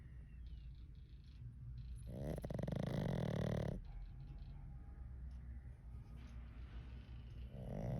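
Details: Sleeping pug dog snoring: one loud, rattling, fluttering snore lasting about two seconds, with the start of another, over quiet room noise.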